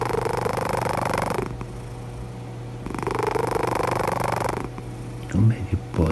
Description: Cat Snoring Out Loud is the way of cats show us that they are really relaxed and enjoying the environment.